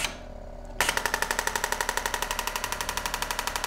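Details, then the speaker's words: Rapid steady mechanical clacking, about four shocks a second, as the trigger is pressed on an ASTAR Impactis M+ pneumatic ballistic radial shockwave applicator running a preset program in a demonstration; shockwave applicator firing. "you can then load that information and it pre-populates the bar pressure the hertz and the number of shocks ready for you to start and by pressing the trigger on the applicator gun"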